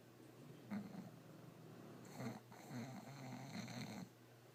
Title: English Bulldog snoring Bosco and Dozer